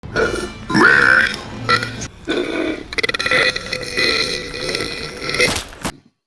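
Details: Burp compilation: several loud, drawn-out belches in a row, with a little background sound; voluntary burping.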